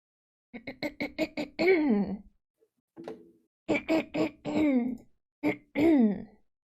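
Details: Woman repeatedly clearing her throat: short bursts in quick series, some ending in a voiced hum, repeated several times.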